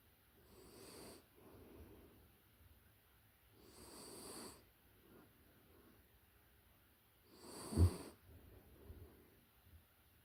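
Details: Close-up recording of a puppy in deep sleep: soft, rhythmic low snores, about three breaths in ten seconds, with a louder snort-like snore near the end.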